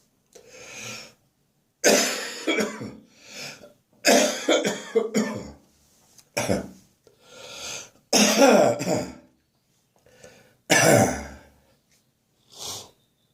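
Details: Adult morning cough during a spring cold: bouts of deep, wet, chesty coughing with breathy, wheezing in-breaths between.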